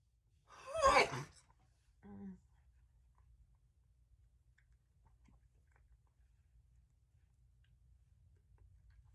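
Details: One loud, explosive wet sneeze with a sharp intake before it, then a brief voiced sound and quiet room, from a woman who says she feels unwell.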